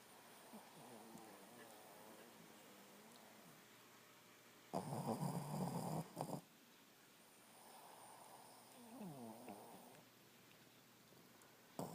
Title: Roxie snoring!